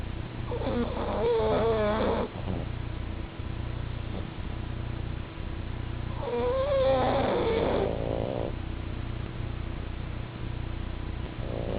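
Two long, whistling, wheezy snoring breaths over a steady low hum. Snoring from flat-faced dogs.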